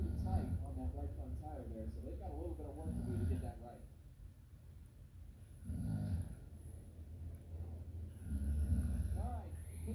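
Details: Low, rough rumbling breaths at intervals from a sleeping adult man (dad), television talking in background; snoring.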